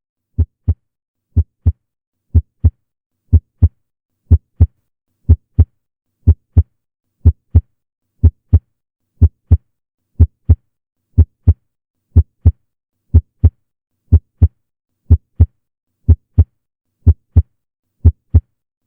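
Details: Clear, regular lub-dub heart sounds at about 60 beats a minute with no added sounds: normal heart sounds.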